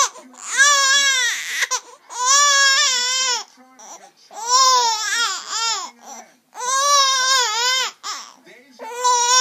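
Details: Infant crying loudly and rhythmically in repeated bursts of about two seconds, with catch breaths between, in a small room.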